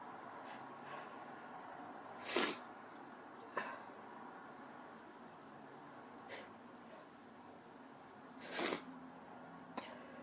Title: Random sneezes (f)